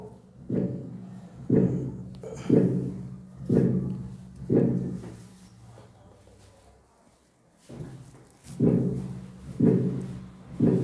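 Regular low heart sounds at about 60 beats a minute with an extra soft sound just before the first sound, an S4 or atrial gallop.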